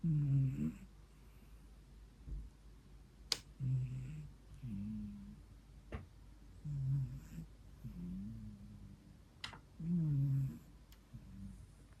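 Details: Low rumbling snores on each breath, about 19 a minute, with faint clicks in a quiet room from a sleeping 14-year-old rescue cat; snoring.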